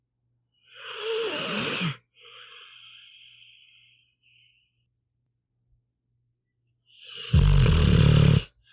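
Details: Sleeping pitbull dog: slow, deep rattling snores with softer hissing breaths and quiet pauses between, snoring.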